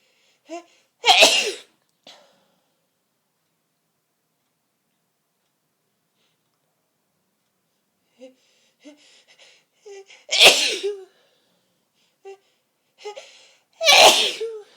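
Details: Forceful sneezes with build-up: three loud, explosive sneezes, each after a short catching inhalation, separated by quiet pauses.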